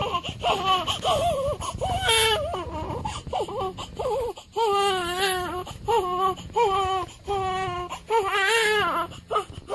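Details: A 7-day-old newborn cries in repeated rising and falling wails with short catches of breath between them; an ordinary newborn cry.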